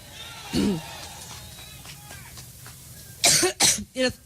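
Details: Adult woman's coughing bout during a Cleveland campaign speech on Labor Day 2016, blamed on seasonal allergies: a softer throat sound, then three harsh coughs close together over crowd and room noise.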